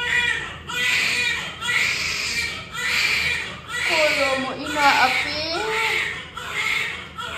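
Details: A newborn boy shortly after birth gives rhythmic, high-pitched wailing cries, about one a second; a strong, ordinary newborn cry.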